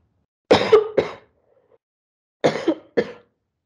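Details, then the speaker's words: Two brief bouts of harsh, dry-sounding adult coughs in a quiet room, each with two or three quick bursts; the speaker reports a terrible cough. "it's got no sound so you can hear my coughing in the background"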